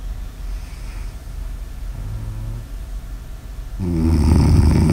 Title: Snores Audio ASMR